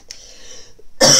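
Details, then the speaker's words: Adult with a cold coughing: quiet room tone, then one abrupt, harsh cough, cut off at the end. "alors je m'excuse par avance j'ai je suis enrumée donc si vous m'entendez tousser éternuer et j'ai la voix qui déraille ben voilà c'est c'est mon moment rume"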